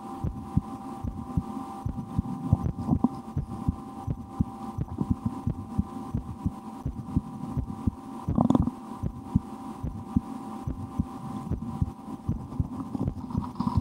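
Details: Own heartbeat heard through a stethoscope in an ASMR recording, with breath-holding and efforts to speed the heart, after a lunch with loud digestion: quick, soft beats, fairly fast regular rhythm, with hum and scraping; normal heart sounds.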